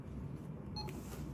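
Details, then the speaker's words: Electric syringe pump infusing dobutamine gives a brief beep over low room hum: the pre-alarm that the syringe is nearly empty, with an orange light and an end-of-infusion message; the alarm can be silenced and acknowledged. "tà-dire que avant que la seringue soit totalement terminé vous aurez un signal sonore comme celui-là un petit message qui vous dit préalarme fin de perfusion fin de perf et il vous demande vous pouvez très bien inhiber l'alarme"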